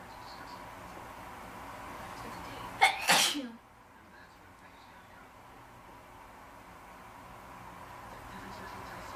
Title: Induced Sneezing #2